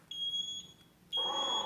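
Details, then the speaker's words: Eagle II portable MRI-compatible ventilator with no breathing detected: a high, steady electronic alarm tone that drops briefly, then sounds again louder with added tones before backup ventilation starts; ventilator apnea alarm. "이제 숨을 안 쉬고 있기 때문에 내 숨을 쉬지 않고 애니 아바 되고 있다고 알려주고 요"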